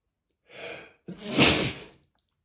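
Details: Male, drawn-in breath then a wet, spraying burst of air; single unstifled spray sneeze.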